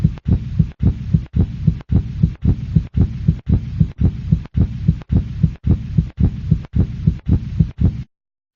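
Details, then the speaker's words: Educational heart anatomy animation: deep, regular paired thumps at about 113 per minute, a steady heartbeat. "beneath of the tough fibrous coating of the heart you can see it beating inside the chambers are a series of one-way valves these keep the blood flowing in one direction"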